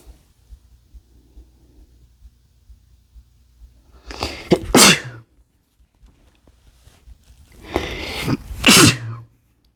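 Two loud sneezes, each with a quick indrawn breath before a forceful burst, in a quiet room.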